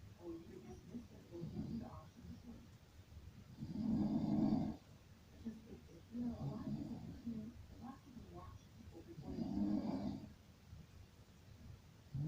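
Low, growling snores come with each breath, roughly eleven a minute, with uneven strength. This is heavy snoring.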